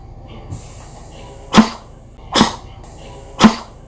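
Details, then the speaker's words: Dog, dry cough: three short, dry, forced chest-squeezing coughs, pointing to the lower airway or lungs rather than the nose as in sneezing. "기침 같은 경우에는 좀 더 가슴에서 쥐어짜는 소리가 들리죠 재채기보다 좀 더 아래쪽에 문제가 있을 때 여기서 체외로 무언가를 배출하기 위해서 나오는 신체의 작용이 기침이에요"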